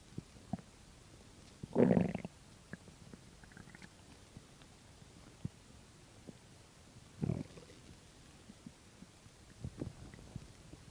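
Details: Stomach growling on an empty stomach: two low, gurgling rumbles over a quiet background, the first longer, with fainter gurgles later; borborygmi.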